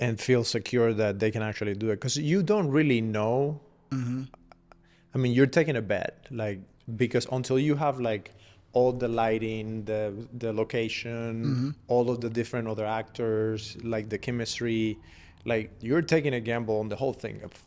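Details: Adult man speaking; normal conversational speech.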